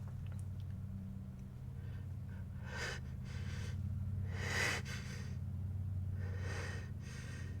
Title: Wet Sneezes and Buildups